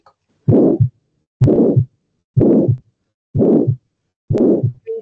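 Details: Systolic ejection murmur (aortic stenosis).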